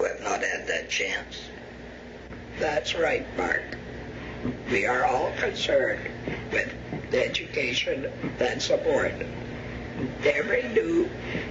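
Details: Laryngectomee speaking after surgical removal of the larynx; alaryngeal method not stated (esophageal, pneumatic, electrolarynx or TEP); the finding is alaryngeal speech after laryngectomy.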